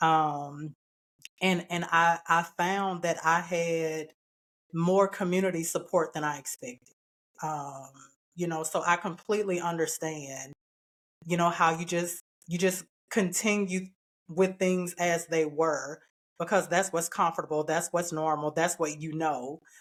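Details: Adult woman speaking; typical speech.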